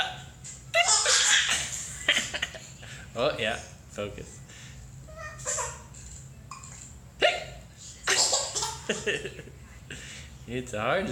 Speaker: hard to stand up when you have the hiccups.